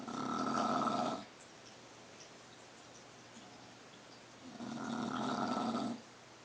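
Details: Two long, buzzing snores with a quiet pause between, from a dog snoring in its sleep.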